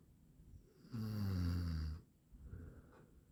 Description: snoring sound for 8 minutes | best audio quality